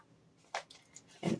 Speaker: And if you can hear my dog snoring, I'm sorry, but he's just sleeping behind me.